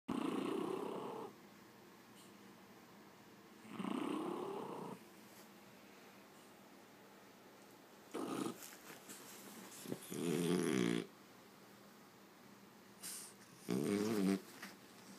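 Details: Loud snoring breaths in both directions, a raspy rising snore then rattling, purring snores, about four breath cycles in fifteen seconds; snoring.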